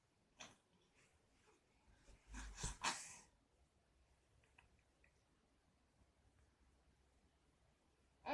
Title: Kid sneezed beautifully, Малыш красиво чихнул, الطفل يعطس بشكل جميل،